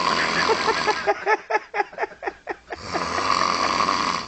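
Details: Snoring at the beach: rapid, fluttering, rasping snore pulses over steady outdoor wind and surf noise.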